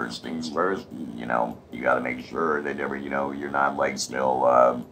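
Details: Adult man after laryngectomy with radiation and chemotherapy, speaking with a TruTone Emote electrolarynx that allows inflection, placed under the chin or around the neck; electrolarynx speech.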